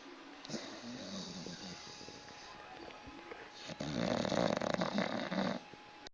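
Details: Sleeping dog; rattling in-breath snore, a quieter breath, then a longer, louder, harsher snore, faint room sound; snoring.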